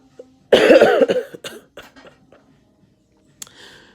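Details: A loud cough followed by a short run of smaller coughs, then a faint throat sound, from a person who is sick and taking medicine; cough.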